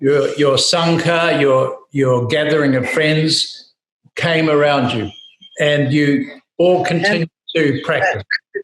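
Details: Adult male speaker; ordinary speech.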